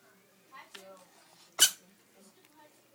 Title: Cat sneezing